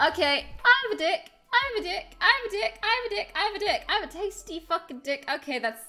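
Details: Vocal tics with coprolalia in a woman with Tourette syndrome, the first tics released after suppressing them for about 16 minutes; repeated involuntary phrases and coprolalia, with suppression causing chest-pressure build-up that makes tics more frequent.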